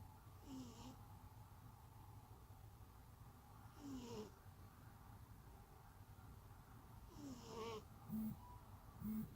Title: snores